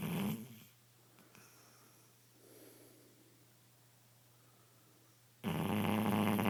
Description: My shar pei sleeping loudly